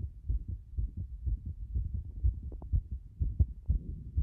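Fast, fairly regular low heart thumps at about 120 beats a minute, a rapid heart rate.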